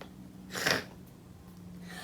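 One short, explosive, hissing burst of air fits a single sneeze, probably imitated while a story is read aloud.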